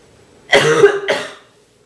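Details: Girl coughing: two quick coughs in a row, the first rougher and longer; a plain cough.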